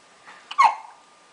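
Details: Baby hiccup during a sponge bath: one short, abrupt gulping catch of breath in a quiet room.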